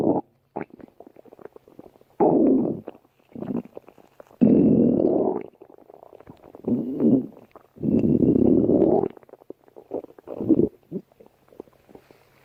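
Loud, long rumbling and gurgling growls alternating with softer bubbly pops: stomach growling, normal gut movement.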